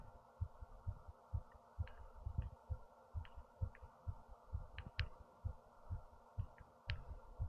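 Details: Steady low thumps about 130 a minute over a constant hum with faint clicks: fast heartbeat recorded with a headphone microphone.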